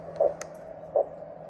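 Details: Doppler check by a paramedic under a Snake Staff tourniquet that could not be tightened further on a large arm: two rhythmic whooshing pulses, about 80 a minute, over a steady hum; arterial flow persists.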